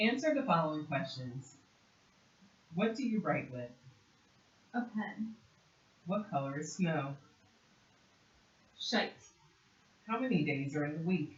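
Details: Adult clinician's voice, with a brief one-word reply; typical speech.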